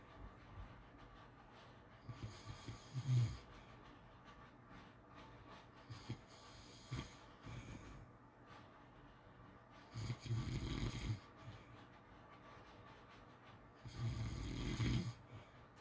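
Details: Snoring during sleep: soft snoring with snorting, rattling breaths every few seconds over a quiet background.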